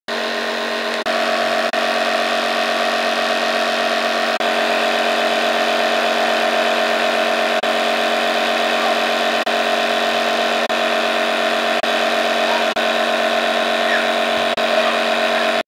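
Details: A nebulizer compressor running during a child's nebulizer treatment: loud, continuous motor hum with a steady buzzing drone.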